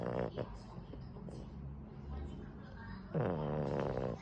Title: Boston Terrier snoring